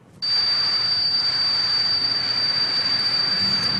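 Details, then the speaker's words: A simulation of tinnitus, ringing in the ears: a steady high-pitched ringing tone with a hiss beneath it. "That is tinidis. You know, it's ringing in the ears. Actually, different kinds of sounds."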